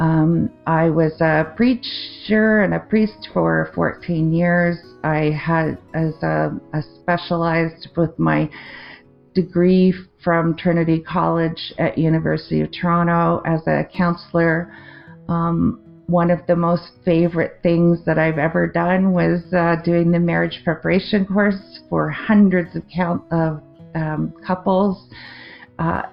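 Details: Adult woman with a 2023 stroke affecting the left-brain language centre, with word-finding difficulty, confusion with words and trouble forming sentences; non-fluent aphasia with word-finding pauses.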